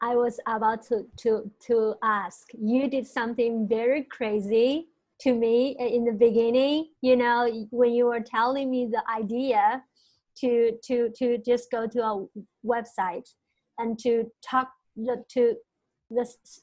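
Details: Stuttering in a male senior university student, present since about age five or six; his biological father and maternal grandfather also stuttered.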